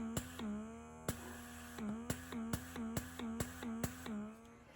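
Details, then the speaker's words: Zomee Z2 rechargeable electric breast pump in two-phase mode, combining letdown and expression, five quick pulses then a slow draw out; steady motor hum with regular clicking suction pulses at about 140 a minute. "so you've got it com it's called two-phase so you've got your letdown mode and your expression mode combined into one and it goes one two 3 four five and then a slow draw out one 2 3 4 five then a slow draw out"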